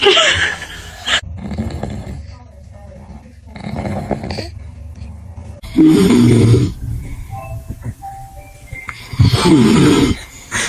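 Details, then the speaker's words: Dad's heavy snoring scaring a baby: loud, rough snores in bursts several seconds apart with quieter breathing between; snoring. "What happened? Was I snoring again?"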